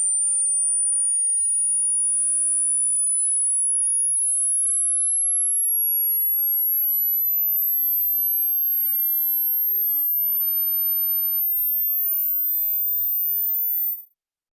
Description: This hearing test is to check the range within which how far can you, as a human, can audibly and possibly hear.